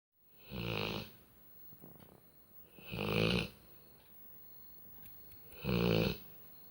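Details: Labrador snoring like a human: three slow, rumbling snores with quiet pauses between, about 23 a minute, from the sleeping dog.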